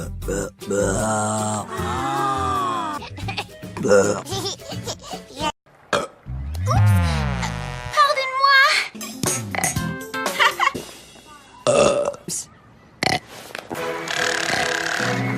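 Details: Acted female cartoon burping: cartoon clips with music and speech, including long, exaggerated staged burps.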